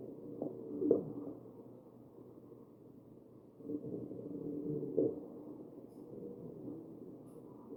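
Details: Wheezing over the chest of a real, mechanically ventilated patient: musical, whistling wheezes that rise and fall with the ventilator breaths, pointing to narrowed airways.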